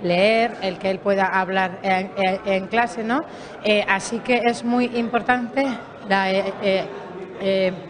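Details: Stuttering in an adult woman speaking Spanish whose son also stutters.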